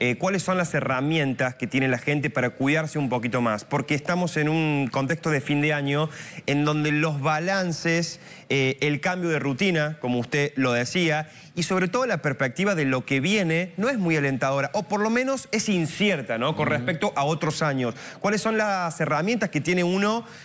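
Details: Adult male speaker; normal speech.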